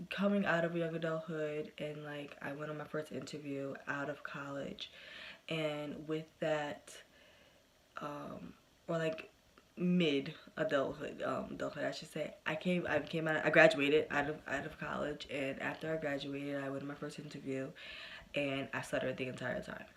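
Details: Adult woman who has stuttered since early childhood, persisting today with good and bad days; stuttering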